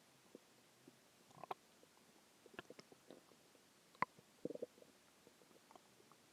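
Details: Stomach growling a few hours after a huge meal (cheeseburger, fries, three eggs, onion rings, cheese stick, chicken tenders): soft irregular gurgles and clicks from the belly at low volume, ordinary borborygmi after eating.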